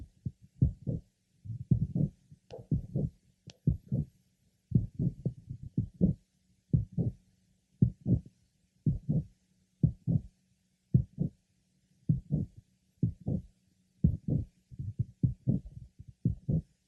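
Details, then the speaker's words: Late apical systolic murmur of mitral valve prolapse heard at the apex; regular heartbeat near 60 a minute, pause after the first sound before the soft late systolic murmur; no systolic click. "our next patient has a late apical systolic murma no click is heard"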